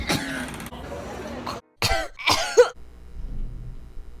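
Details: Compilation of coughs performed for ASMR: several short harsh coughs and throat-clearing sounds from an adult, mixed with brief voice sounds.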